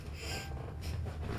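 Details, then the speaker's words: Sleeping pet dog that snores a lot: low rumbling with a couple of brief noisy snorting breaths over faint room sound; snoring. "as you can hear my dog snoring I'm sorry he snores a lot and he sleeps"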